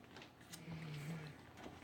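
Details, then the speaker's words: A single low, rumbling snore lasting about half a second from a sleeping Labrador retriever, over quiet kitchen background noise; snoring. "Labrador retriever snoring in the background. Don't know if you can hear that or not. It sounds pretty funny."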